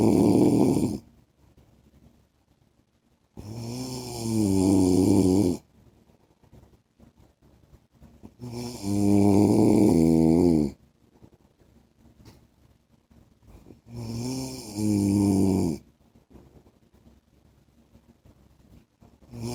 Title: 10 MINUTES MY HUSBAND'S SNORING SOUND